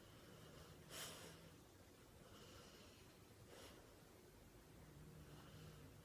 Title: Snoring by Captain Couch